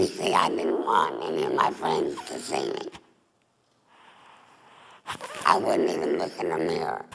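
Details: Adult female former smoker with laryngeal cancer (tumor on the larynx), voice box removed, neck stoma; alaryngeal speech after total laryngectomy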